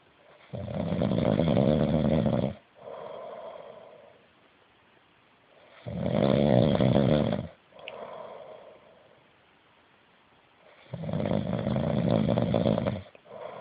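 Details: Heavy snoring: loud, rough, rattling snores on each in-breath with quieter out-breaths, about 11 breaths a minute.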